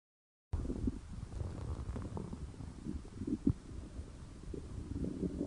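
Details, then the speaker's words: Stomach growling (borborygmi): low, irregular gurgling and rumbling from gas and fluid moving through the gut. "Oh no! My tummy is grumbling for the first time. Now I will get hungry for some food."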